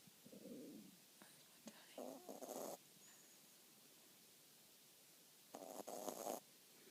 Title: Cavapoo puppy snores #dog